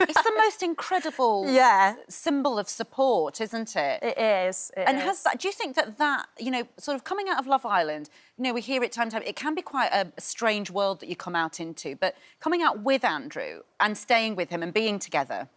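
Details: Adult woman speaking; normal speech.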